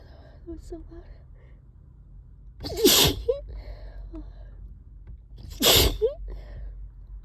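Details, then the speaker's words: Two loud, forceful sneezes about three seconds apart, each with a sharp intake before and quiet murmured talk between; repeated allergic sneezing triggered by cleaning the trap. "This always happens whenever whenever I clean the trap. It makes me so sneezy."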